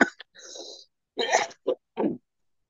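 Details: Throat clearing and cough from an adult man with a hoarse voice and a cold, caught after a trip to minus 10 °C weather: he clears his throat and gives several short, rough coughs during a pause in speech.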